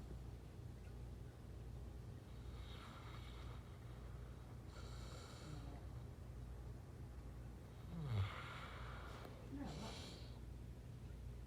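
Soft snorting breaths recur every few seconds from a sleeping large dog, with a faint whimper over a steady room hum. Sleep snoring.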